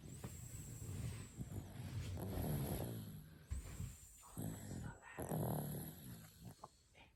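Two low rumbling snores with quieter breathing between them, recorded in a noisy room. Snoring during sleep.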